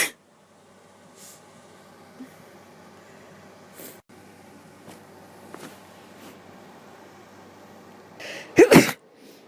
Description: Sneezing girl, Sneezy